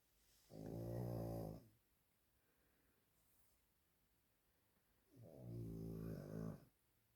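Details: Sleeping pet animal (dog or cat): two deep, rumbling snores, each about a second long, with quiet breathing between them; snoring.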